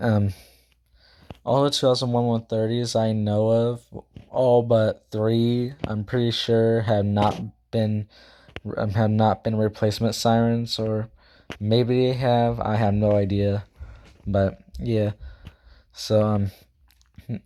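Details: Male speaker who says he stutters, talks too fast and can't speak properly; this stretch has many repeated words: stuttering.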